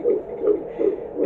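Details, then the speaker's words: Early fetal heartbeat on ultrasound at first official prenatal appointment, 7 weeks 6 days pregnant: rapid, regular whooshing pulses, about 160 beats a minute, described as a strong, steady heartbeat. "That's a strong heartbeat. Yes, a nice short heartbeat."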